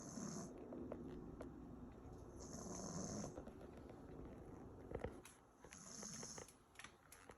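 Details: Pug snoring while asleep: rhythmic, rasping, whistly snores at roughly 22 breaths a minute in a quiet room.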